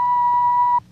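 A steady pure electronic beep under a second long, stopping abruptly: an audiometer test tone used to measure hearing, from a TV drama.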